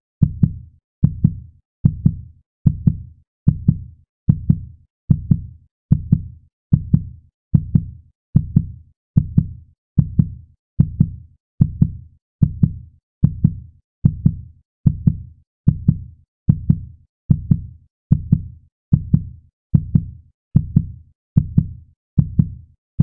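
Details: Heartbeat sound effect: steady, regular low thumping at about 74 beats a minute.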